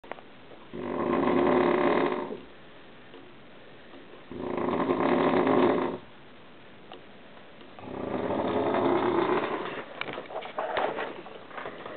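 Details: An adult husband snoring on a waterbed gives three long, loud, rough snores on the in-breath, about 3.5 seconds apart (roughly 17 a minute), with quiet pauses between; he claims he snores only when his wife is in bed; serious snoring.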